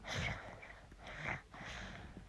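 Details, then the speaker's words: Snoring from a girl, sleeping nearby, who currently has a poorly cough. "she's sleeping next to me a minute and she's got such a poorly cough and so that's her you could hear it's just actually snoring"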